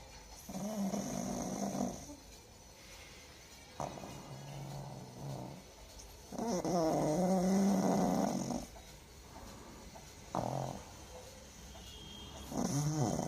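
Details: Snoring: a pug in deep sleep snores hard, with loud, rough, rattling noises on each breath at roughly 20 breaths a minute.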